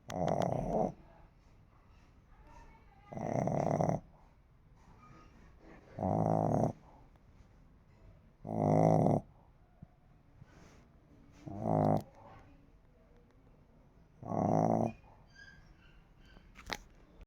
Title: snoring lhasa apso...